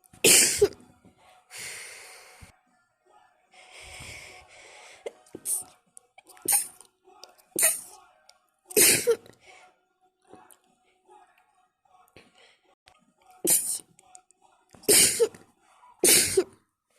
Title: Wet and messy sneeze attack (can someone tell me how many times I sneeze?)